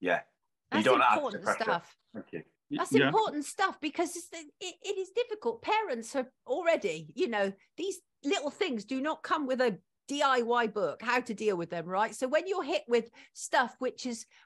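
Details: Adult woman speaking; Fluent conversational speech.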